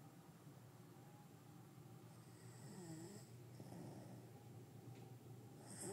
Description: snores in Saad's appt. Newark Delaware USA